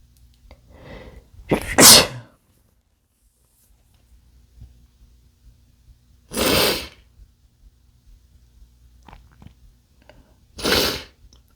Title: male chinkni sneezes (read description)